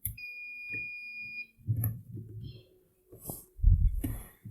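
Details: A steady electronic beep of about a second, then handling clicks and thumps, as a 4-channel TENS and ultrasonic physiotherapy machine is powered on during unboxing; the normal power-on tone.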